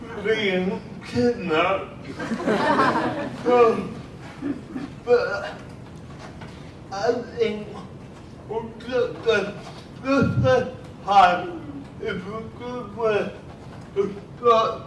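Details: Adult man with cerebral palsy speaking at a cerebral palsy event, speech largely unintelligible to automatic transcription; dysarthria (cerebral palsy).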